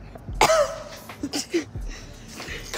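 A single harsh, wet-sounding cough burst, followed by a couple of softer throat noises in a small room.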